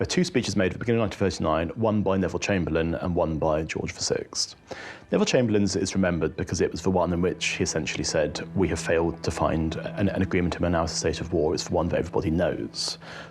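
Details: Adult male speaker; typical speech.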